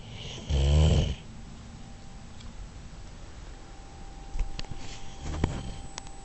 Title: More snoring from the dog